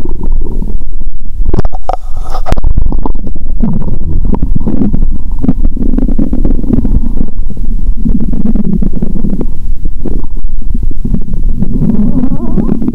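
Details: Stethoscope placed high near the heart, still picking up the stomach: loud, continuous low gurgling and rumbling; ordinary bowel sounds (borborygmi).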